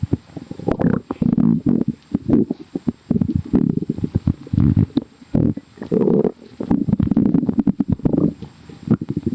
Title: sooo bubblyyy | stomach growling